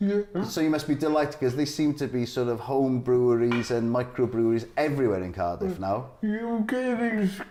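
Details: Adult male speaker; Typical speech.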